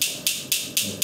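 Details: Focused shockwave therapy given by an orthopedic surgeon to an adult patient, described as very painful: sharp hissing clicks repeating about four times a second as the device fires.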